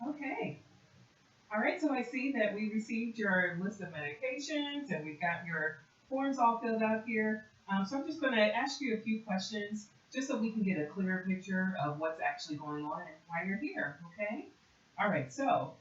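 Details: Adult woman speaking; normal fluent speech.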